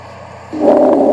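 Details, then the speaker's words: Asthmatic lung sounds on stethoscope, occurring mostly in the expiratory phase, contrasted with normal lung sounds near the bases; expiratory wheeze (asthma). "now here are asthmatic lung sounds notice that most of them occur in the expiration"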